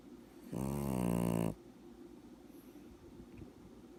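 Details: Sleeping puppy: one loud, low, buzzing snore lasting about a second, then quiet breathing against faint room noise; snoring.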